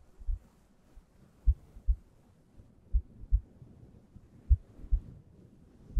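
Soft paired low thumps, lub-dub, about 40 beats a minute, slow and even; a normal heartbeat.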